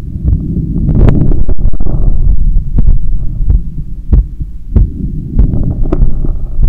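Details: Own heart sounds via stethoscope after a 10 km run, lying on a daybed on the left side while controlling breathing: strong, fast thumps at about 95 a minute over low rumble; normal post-exercise heart sounds.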